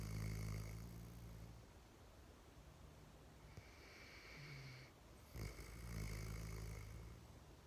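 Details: Soft low rumbling snores with a quieter stretch between breaths and a few snorting catches; gentle sleep snoring.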